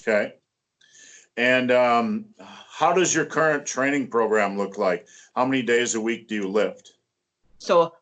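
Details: Adult male speaker; typical speech.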